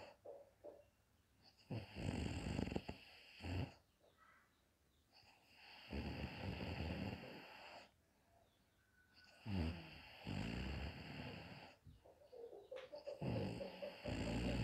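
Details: Mother snoring during a daytime nap: deep, uneven snores with snorting, rattling breaths, about 16 a minute, with some room noise.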